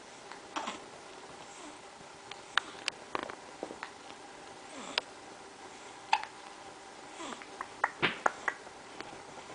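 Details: Infant aged 1-2 months with hiccups: brief, soft, sharp catches with small squeaky sounds at irregular intervals in a quiet room.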